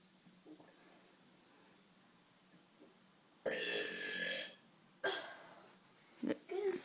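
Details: Burping by two brothers: two long, loud, rumbling burps, then a shorter sound and the start of another, with a quiet room between them.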